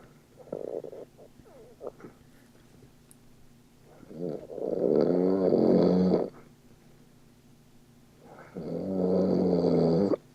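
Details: Man in deep sleep snoring, not woken by repeated calls: a quieter irregular breath, then loud rattling snores on two long breaths.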